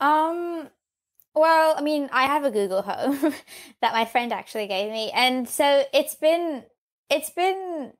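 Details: Stuttering in a 15-year-old girl who has stuttered since age 3.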